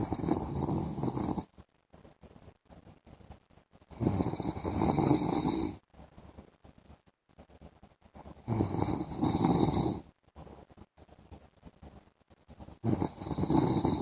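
Loud, rough snores on each breath in, separated by quieter breathing out, about 14 breaths a minute; ordinary snoring during sleep.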